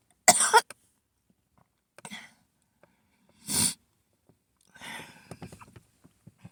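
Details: Repeatedly waking with a harsh coughing fit during an asthma attack.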